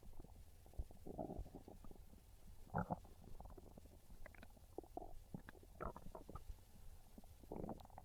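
Soft, low gurgling and rumbling sounds that come and go irregularly: stomach growling from hunger.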